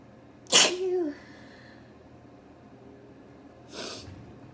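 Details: One sharp sneeze with a brief squeaky tail, then a softer sneeze-like burst a few seconds later; two sneezes.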